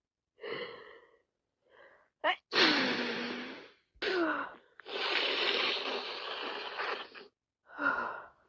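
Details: Person with a bad cold, sneezing constantly: three forceful sneezes, each preceded by a gasping in-breath, followed by a short breathy exhale; repeated sneezing.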